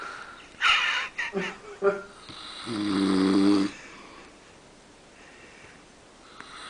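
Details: Father snoring after crashing asleep in the middle of everyone: a few short snorting breaths, then one long rattling snore on the in-breath, quiet room noise after. Ordinary snoring.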